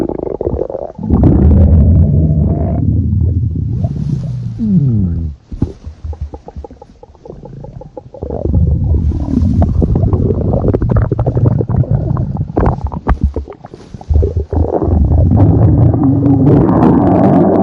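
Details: Long, loud, deep growls and gurgles from the belly with rising and falling pitch; stomach growling (borborygmi).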